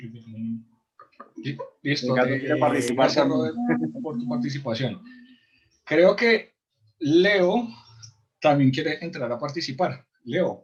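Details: Adult man who stutters, in a support group for people who stutter; he describes complete blocks and considers it incurable but something that can be lived with; stuttering.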